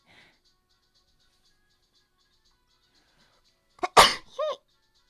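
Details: Japanese woman sneezing during a livestream, with an itchy nose: a short intake, then one sharp, high sneeze ending in a brief voiced squeak.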